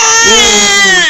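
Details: Baby who was laughing bursts into crying, startled by father's cough: a loud, sustained high-pitched wail.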